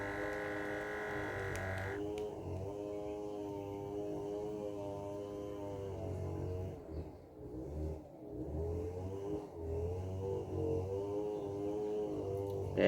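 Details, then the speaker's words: Omron automatic blood pressure monitor, used as a medical-grade reference against a Glory Fit smartwatch: steady motor hum of the cuff pumping up, with faint room noise. Reading 108/85 mmHg, pulse 97. "so we have here our omro medical device it will take a war blood pressure as well as the heart rate money heart rate okay the pulse so let's check"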